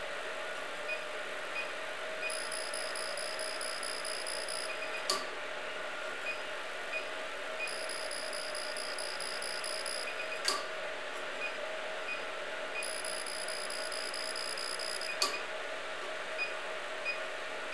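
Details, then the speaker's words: A CO2 fractional laser works at energy setting 6 on enlarged facial pores, with the handpiece held perpendicular and flat against the skin: a steady machine hum with a repeating high tone and periodic clicks. "好，接下来我们做面部毛孔粗大的位置和右侧毛孔粗大的位置用的能量是一样的，现在能量是6。"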